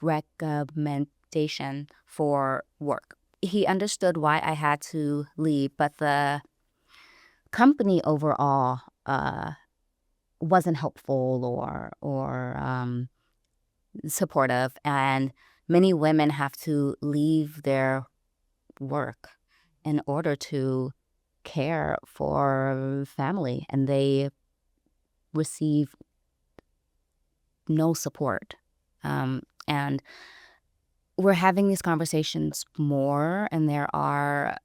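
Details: Adult woman who self-identifies as a person who stutters, recorded speaking in a real interview; stuttering.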